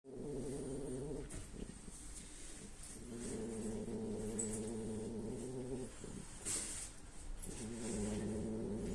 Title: French Bulldog Lady sleeps and snores #frenchbulldog #dog #dogsnoring #doglady